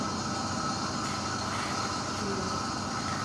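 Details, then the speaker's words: Suction machine in a demonstration, run to test suction pressure before use on the patient. Steady rushing motor noise with a faint constant hum. "Oke, sebelum kita ke pasien kita coba dulu kuat enggak tekanannya. Kalau nyedot ini posisi diutup artinya berarti cairannya disedot sini"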